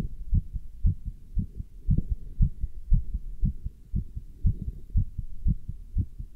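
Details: Steady, regular lub-dub thumps with faint hum, heard through a stethoscope worn with a chest band while standing still and lifting dumbbells; normal heart sounds.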